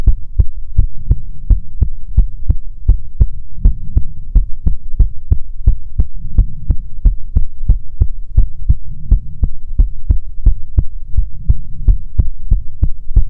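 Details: ASMR heartbeat recording: steady, regular lub-dub thumps at roughly 85 beats a minute over a low hum; normal heartbeat.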